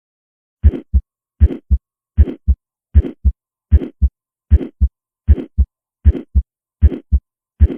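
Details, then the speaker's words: Early-peaking systolic flow murmur in a patient with anemia, contrasted with aortic stenosis in auscultation teaching: regular heartbeat near 78/min, soft early systolic murmur fading before a clearly audible S2. "so let me play the as murmur again so that you can appreciate how hard it is to hear s2 and then hear a typical early peaky murmur in a patient with anemia s2 here is much more"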